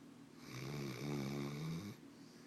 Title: Kisha dog snoring